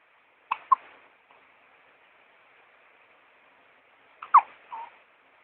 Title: hiccup - baby